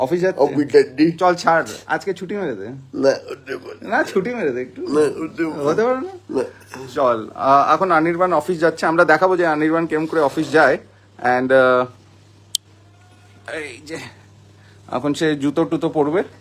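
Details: Adult speakers in conversation; typical speech.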